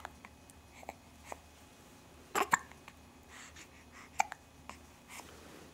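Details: Short abrupt catches repeating irregularly in a quiet room; hiccups.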